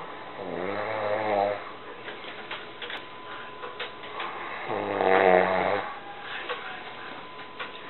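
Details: Person snoring: two deep, droning snores on breathing in, several seconds apart, with quiet breathing and room noise between them.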